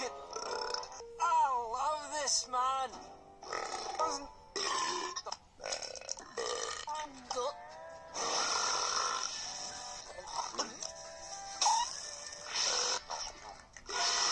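Several loud belches, some long and wavering, with music and talk in the background.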